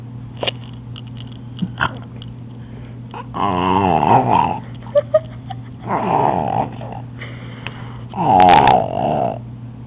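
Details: A woman snoring: three rasping, fluttering snores with quiet pauses between them, over a steady low hum. Snoring.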